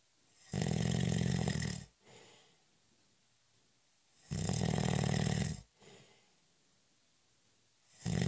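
Loud, rough snores on each breath in, roughly every four seconds with quieter breaths out between, about 15 breaths a minute.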